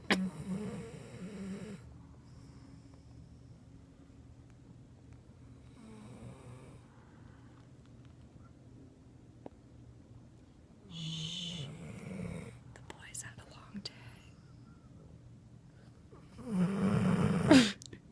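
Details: Pit bull napping with his head on a pillow after a long play date, snoring really loud: three loud, low, rumbling snores with quiet breathing between; snoring.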